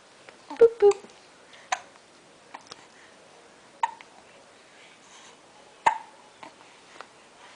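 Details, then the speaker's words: 6-week-3-day-old infant boy with hiccups: sharp, short hiccup sounds every one to two seconds with soft cooing between; ordinary, harmless infant hiccups. "You got the hiccups? You do. Hiccup."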